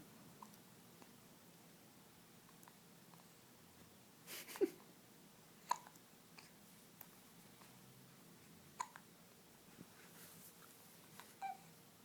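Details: Hiccups while awake and alert: faint, brief, abrupt catches at irregular intervals, about five in twelve seconds, over quiet room noise.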